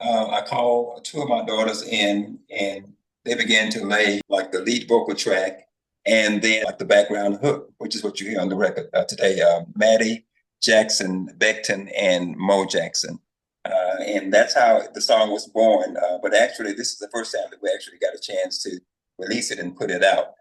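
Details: Adult male speaker; normal speech.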